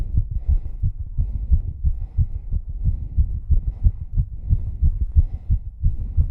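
Fast, regular, deep heart thumps with a faint breathy haze in the background, a rapid heartbeat during hard exercise.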